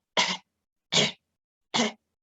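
Three short, harsh, hacking cough bursts, imitated by a person, illustrating a dog's positive tracheal cough reflex.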